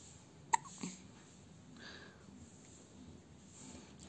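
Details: One-week-old baby hiccupping: a single sharp, brief hiccup, then a softer catch and quiet breathing.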